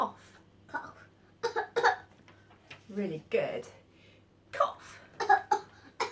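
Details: Child giving several short, sharp, deliberate imitated coughs with a brief voiced sound in a small room while demonstrating the Makaton sign for cough.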